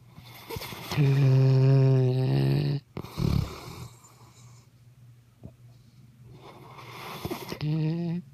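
Loud, low buzzing snores with a steady droning pitch on breathing in, followed by quiet snorting breaths out.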